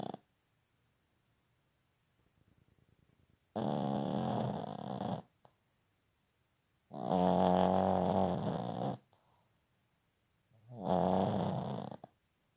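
Three loud, rattling snores about 3 to 4 seconds apart, with near silence between them; heavy snoring during sleep.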